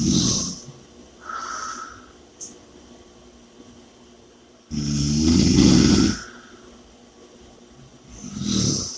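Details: Loud, rough snoring on the in-breaths with quiet gaps, about three breaths in nine seconds; heavy breathing and snoring during sleep.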